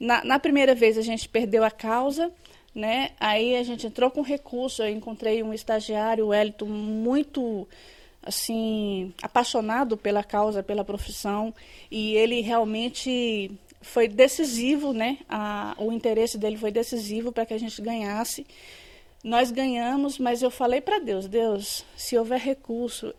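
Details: Adult woman speaking; normal speech.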